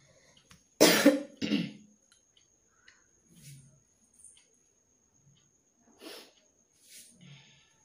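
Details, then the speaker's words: Adult with an ongoing cough, worse at night and while working, throat itchy, voice going hoarse, coughing painful; two strong coughs, then a few softer throat-clearing coughs and breaths in a quiet room. "আর কাশতেই ভালো লাগছে না, একটু আগে চা খেতে হবে, গলাটাও বসে যাচ্ছে। তারপর কাশলেও এগুলো পুরো ব্যথা করছে, ভালো লাগছে না।"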